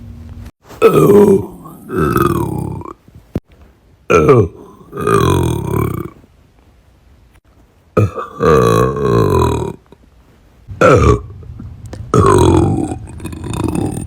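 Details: A run of about seven loud, drawn-out voiced burps separated by short silences, with groaning and snorting nearby. Burping.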